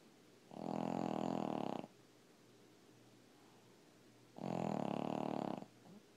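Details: Abbey the dog gives two long, loud rattling snores about four seconds apart, with quiet breathing between; snoring.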